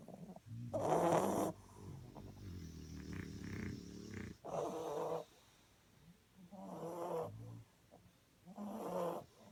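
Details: Sleeping "bullies" with loud rattling snores in irregular bursts and quieter snorting breaths between them; snoring.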